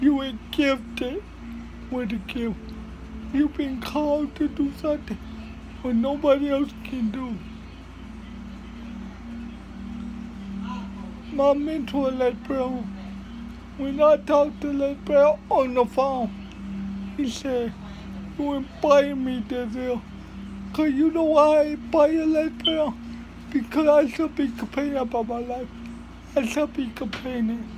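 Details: Adult speaker; dysarthria (cerebral palsy).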